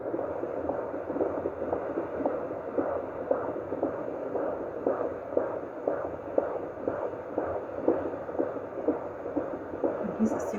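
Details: Fetal heartbeat of a pregnant woman on a Doppler: rapid, rhythmic whooshing pulses, with soft music in the background.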